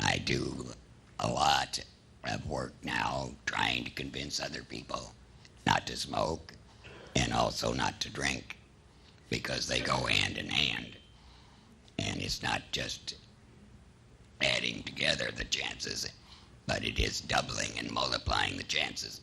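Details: Man about seven years after laryngectomy treated with surgery only, no chemotherapy or radiation; has a tracheoesophageal puncture and also uses other methods; alaryngeal (tracheoesophageal) speech after laryngectomy.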